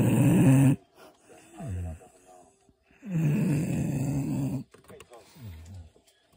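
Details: Dog snoring: loud, rattling snores alternating with softer exhaled groans in a slow, regular cycle. Snoring.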